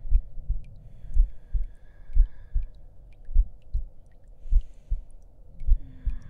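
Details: Heartbeat track in an ASMR roleplay audio: steady paired low thuds, about 50 to 55 a minute, with faint room hum; a slow, regular heartbeat.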